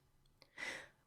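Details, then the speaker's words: A child's upper airway obstruction relieved by jaw lift and an oral airway inserted by the anesthesia provider: a faint click, then a single soft, airy breath heard on auscultation as air movement returns. "the chest and often the child's abdomen rise together with inspiration breath sounds are heard on auscultation air movement returns"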